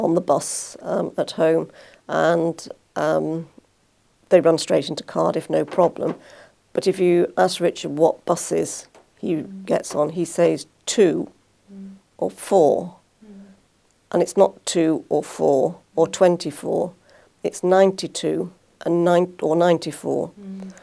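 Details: Adult speaker; normal speech.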